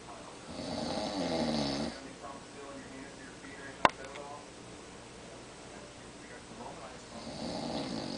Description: My dad snores every night. My mom recorded him on a recliner chair.